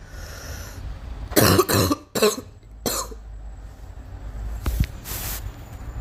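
A girl coughs in a short run of about four harsh coughs, then one more faint cough, with background room noise.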